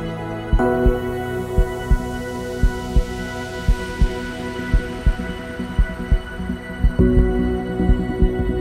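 Steady low thumps at about 57 a minute under sustained ambient music; a heartbeat sound effect.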